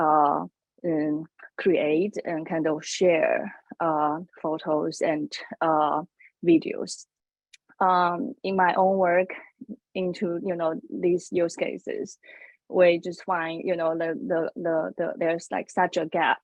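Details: Adult woman who says she has a stutter, speaking on a panel; stuttering.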